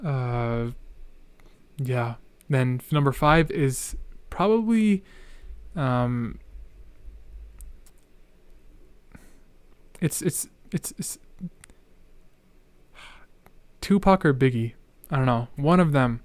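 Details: Male podcast host who stutters, with hesitations and word repetitions, then remarks he is stuttering a lot: stuttering.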